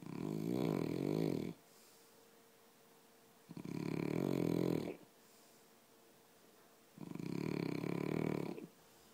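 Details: Three long, low, rattling snores on each breath in, with quiet pauses between, about 20 breaths a minute; snoring by two people.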